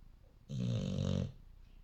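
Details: A single low, rattling snore lasting under a second on the in-breath during sleep; snoring.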